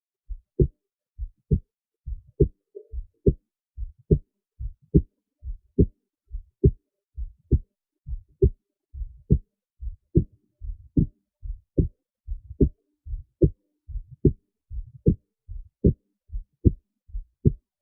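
Steady paired heartbeats through a stethoscope at about 71 beats a minute, a regular rhythm.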